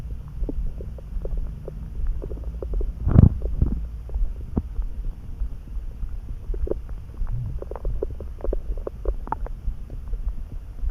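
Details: Sudden stomach rumbling in a person who was neither hungry nor too full, felt in the pit of the gut and eased by a snack; low steady rumbling with soft gurgles and one louder gurgling surge; borborygmi.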